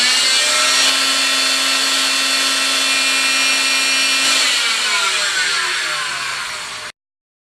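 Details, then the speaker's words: Loud, steady high-pitched whine of a cast saw that then winds down, shown to kindergartners for cast removal; its vibrating blade does not cut skin, and it is loud because it sucks up cast dust. "this is the cast saw the cast saw is very loud because it is sucking up all of the dust from the cast and I want you to hear how loud the saw actually"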